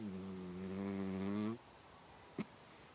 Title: Mouse snores!